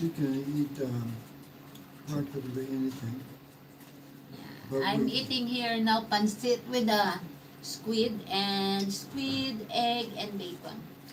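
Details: Aphasia after mild stroke in a man 115 days into self-therapy; restarts his sentence with hesitations.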